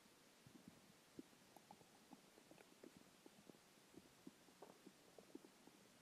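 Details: Frequent soft gurgles and bubbling pops from the abdomen over steady hiss after skipping lunch; ordinary hunger stomach growling (borborygmi).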